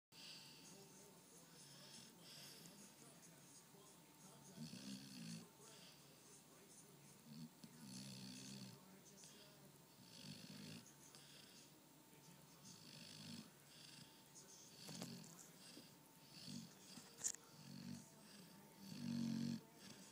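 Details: A pitbull, American bulldog and boxer mix dog napping on the couch, snoring with soft, irregular low rumbles and some noisy breaths between them, over a steady room hum.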